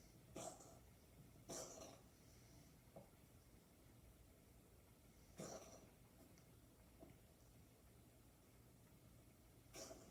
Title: coughing